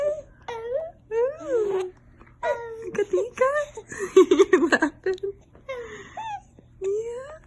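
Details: Infant with hiccups crying: repeated wailing, rising and falling cry bursts with whimpering in a small room.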